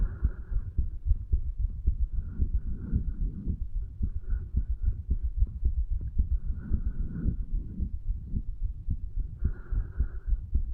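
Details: 35-year-old male's heartbeat recorded at the tricuspid valve area, placed lower than usual, under the effects of medical marijuana and nicotine: heart sounds.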